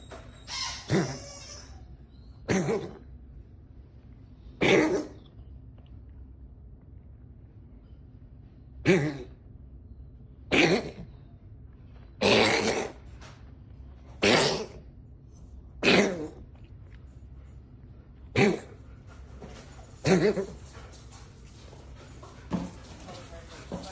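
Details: An 11-month-old male tabby domestic shorthair rescue cat, with diarrhea last week, gives about eleven short, dry hacking coughs in irregular succession over roughly 24 seconds: persistent cough.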